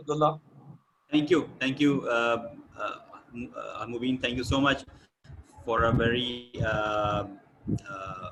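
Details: Adult male speaker; typical speech.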